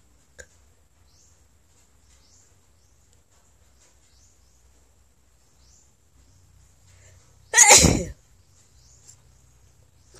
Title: Sexy Filipina Sneezes.